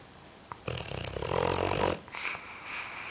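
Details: Sleeping boxer dog snoring: one long, rough, rattling snore with a fluttering quality on the breath in, then a softer snort.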